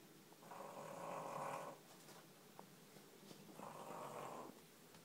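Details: Sleeping baby snoring: two slow, rough breathing sounds on inhalation about 3 seconds apart; a soft snore.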